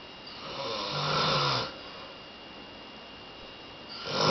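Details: Man sleeping and snoring: one loud rattling inhaled snore, then quiet, and the next snore starting at the end.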